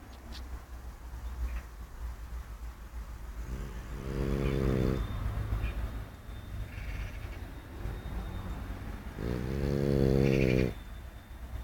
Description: Boston Terrier Yoda is just chillin' out dreaming about biting other dogs and snoring loudly